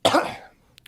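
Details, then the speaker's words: An adult gives a single harsh cough that fades over about half a second, then faint room noise. The speaker says the drink being discussed has a feeling a bit like hot peppers and makes them want to cough. "yeah like I want to cough when I have it sorry"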